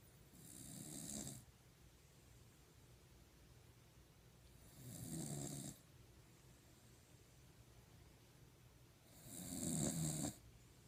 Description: My Puggle, Josh, snoring